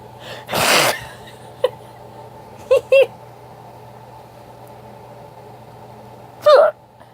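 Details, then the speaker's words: Hiccups recorded on camera, the first bout this year, thought to have started after drinking soup broth and tea too fast; brief, abrupt hiccup sounds, some in pairs, plus one louder burst in a quiet room. "my hiccups are bad yeah yeah yeah first time I've had them all year this is a rare moment so I thought I catch them on camera"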